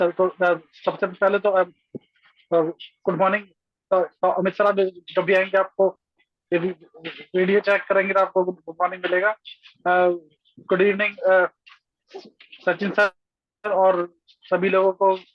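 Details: Adult man speaking Hindi over an online call; stuttering.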